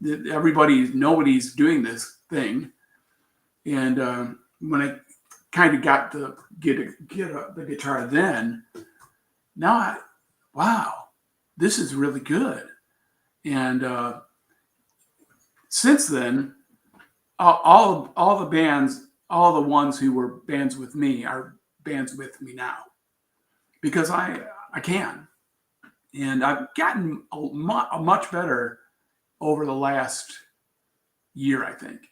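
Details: Aphasia in an adult man after a traumatic brain injury from a bicycle accident about four years earlier, with coma, followed by four years of recovery relearning to speak; trouble with words.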